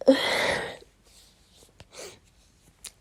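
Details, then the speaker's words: One loud explosive sneeze followed by quiet sniffing and breathing; the person says they get sniffly and sneezy when it rains. Sneezing. "um raining all night and um it's typically when it rains [Applause] clearly when it rains I do tend to get quite um sniffly Sneezy"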